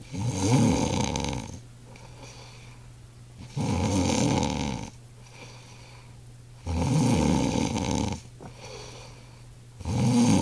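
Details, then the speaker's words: Adult man snoring heavily: deep rumbling snores likened to a hibernating grizzly bear, about 19 breaths a minute, with a softer low tone on the breath out. "He's fucking still at it. The grizzly bear in hibernation."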